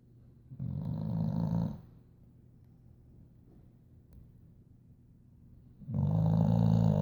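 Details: Boxer dog in a deep afternoon sleep: two loud, low, rattling snores about four seconds apart with quiet between, snoring.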